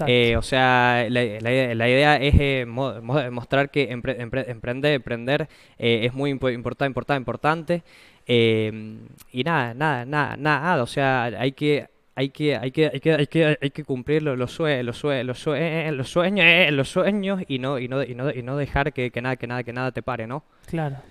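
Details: Spanish-speaking guest who stutters, speaking spontaneously in a broadcast interview about an app for people who stutter. Stuttering.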